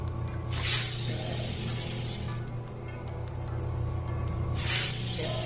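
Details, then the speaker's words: Post-operative ENT visit after vocal surgery and 10 days of voice rest: two short hissing nasal sprays about four seconds apart over a low hum and background music, given before the doctor's examination. "All right. Here comes the spray. Nasal sprayer."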